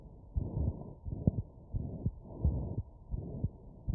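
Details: Abnormal heart sound via wireless stethoscope: muffled low heart sounds, about 75 a minute, with a rough whooshing noise filling the gaps between beats, likely a murmur.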